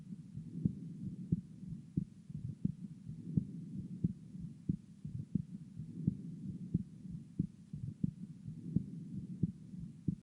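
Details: Heart sounds: regular low heartbeat thumps at about 88 a minute over a steady low hum.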